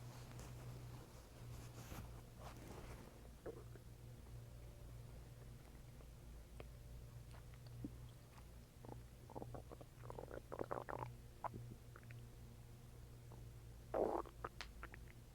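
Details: Person's stomach growling while eating and drinking water: scattered gurgling and squelching bowel sounds over a steady low hum, ordinary borborygmi.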